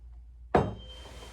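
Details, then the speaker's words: A tuning fork is struck with a sharp tap and rings briefly, then placed on top of the head for the Weber hearing test. The patient hears it equally on both sides, showing no unilateral hearing loss. "so i'm going to strike this kidney fork put it on the top of your head and i want you to tell me if you hear the same bilaterally"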